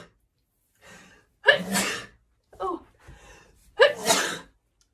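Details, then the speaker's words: Two loud forceful sneezes, each preceded by a sharp in-breath, with a gasp between; acted sneezing fit attributed to allergies. "my goodness oh my gosh I'm so sorry I'm having another sneeze attack"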